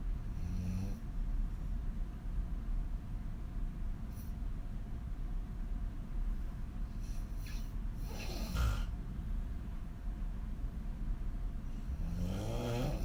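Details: Adult woman sleeping on her back with her mouth wide open: loud, rough, rumbling snores with a snort midway over steady background noise. Snoring.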